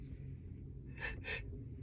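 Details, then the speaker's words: Repeated sneezing in a person sneezing nonstop while sitting on a sunny day with neighbors mowing lawns: two quick, sharp bursts of air in a row, a brief double sneeze, over low room hum. "excuse me this kid dude can't stop sneezing my goodness"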